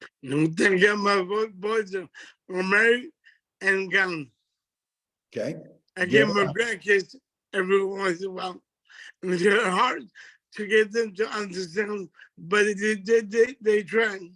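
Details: Adult man with multiple system atrophy diagnosed around 2011, affecting his speech and gait and contributing to leaving work; dysarthria (multiple system atrophy).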